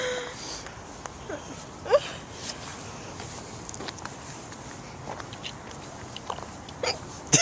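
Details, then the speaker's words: Woman who has had hiccups for about 20 minutes, recorded outdoors on a Flip Video camcorder: several brief, squeaky hiccups spaced seconds apart over outdoor noise and light rain. "okay so nothing to do with what we're looking at but i wanted to uh just record hiccups for a second she's had them for about 20 minutes"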